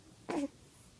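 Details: 2-day-old newborn with hiccups: a single short, abrupt voiced gulp with a quick falling pitch in a quiet room.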